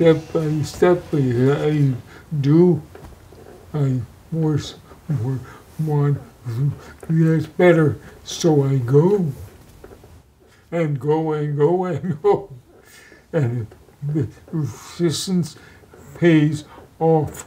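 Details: Post-stroke aphasia in a stroke survivor, stroke July 2017 damaging the left side of the brain and leaving him bed-ridden and early on barely able to talk; in speech therapy including music-based therapy.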